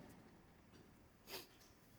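One brief, harsh snorting breath rises out of quiet room noise, consistent with a single snore.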